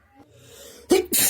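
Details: A quiet breath in, then two sharp explosive bursts close together, a pair of sneezes that the person says felt good; sneezing.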